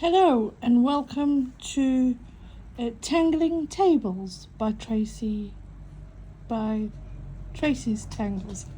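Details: Stuttering in an adult woman, self-reported as mostly on vowel-initial and W words; she has accepted it and copes using breathing.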